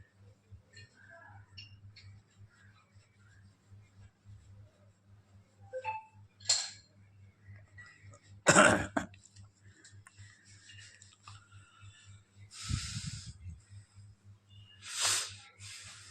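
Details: Two or three short, harsh coughs over a steady low room hum, with faint voices between, from a patient during a varma therapy session; ordinary coughing.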